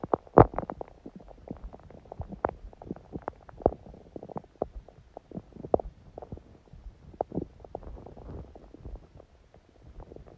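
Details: Adult's quiet abdomen on a day of a smoothie breakfast and salad, with little hunger growling: soft, frequent gurgles, pops and brief low rumbles, ordinary bowel sounds of a gently active gut.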